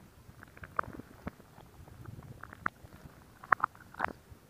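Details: Stomach growling: quiet gurgles and a few sharp bubbly pops over a low rumble; ordinary bowel sounds, borborygmi.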